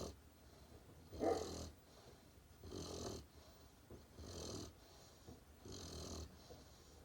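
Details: Great Pyrenees puppy asleep: rough, rattling snores with soft whistling on each breath, about four in seven seconds, roughly 35 a minute; snoring.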